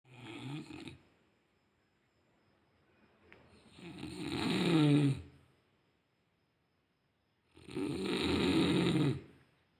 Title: Listening snoring first time.